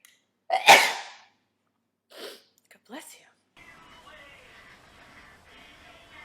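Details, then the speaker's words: Person who says they have to sneeze: one loud explosive sneeze followed by two smaller sneeze-like bursts, then quiet room noise; sneezing. "Oh, um sneeze. Ow. I hate that. I hate sneezing."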